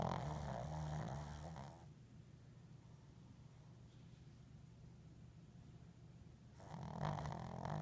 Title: Eyes wide snoring - extended version